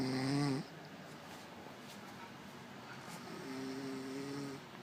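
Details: Female dog snoring in sleep: droning, buzzing snores, one at the start and a longer one near the end, over steady background hiss.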